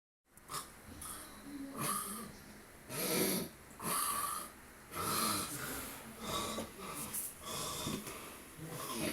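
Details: A man snoring in church: repeated loud, rough breaths with rattling, whistly bursts recurring irregularly over faint room background.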